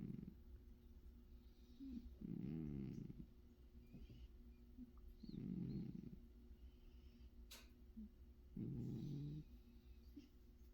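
Soft, rattling snores from a sleeping cat, three in about eleven seconds, over a low background hum.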